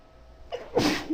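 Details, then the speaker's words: A woman gives a brief indrawn breath, then one forceful, explosive sneeze. "my god. Oh, bless me. Oh god, but that felt good."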